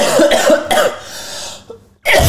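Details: Several short, harsh coughs with no wet rattle from an autistic child in a small room; adults suspect dust allergy and call it a dry cough, advising warm water and no iced drinks; a dry cough.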